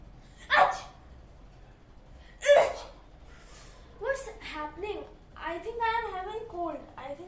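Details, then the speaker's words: Acted comedy sketch, not a real illness: two sharp sneezes followed by talking, as a person in India wonders who is remembering them. "और जब हमारे भारत देश में किसी को छींक आती है। अरे मैं कोई तेरी छींकें क्यों आ रही है?"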